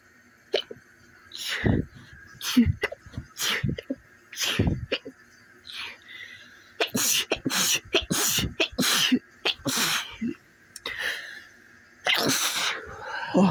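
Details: Person sneezing repeatedly on waking in the morning; a run of sharp, explosive bursts with gasping breaths between, reported as painful.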